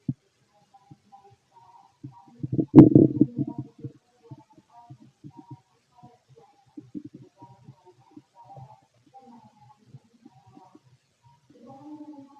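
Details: Stomach growling in a fit adult male heard with a stethoscope over the abdomen: soft gurgles and clicks with one louder rumbling burst; normal bowel sounds (borborygmi).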